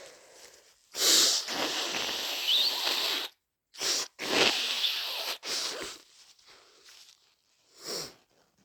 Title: Full of the cold - Sneezing and blowing (Compilation)